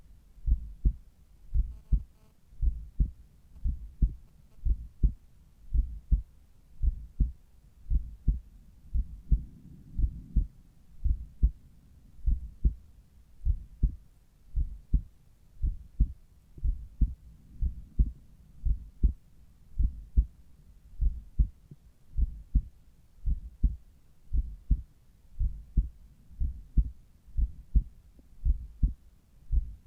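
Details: Steady, regular low heartbeat at the apex, about 56 beats a minute, with clear lub-dub pairs, recorded in the morning with a Littmann Cardiology 4 stethoscope; normal heart sounds at the apex.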